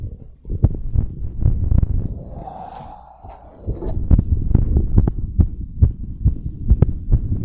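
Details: Fast, pounding low heartbeats around 140 a minute with some rubbing noise, after bouncing and blowing up a giant balloon; normal heart racing after exertion.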